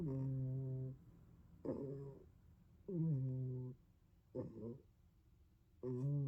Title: Snoring Kitty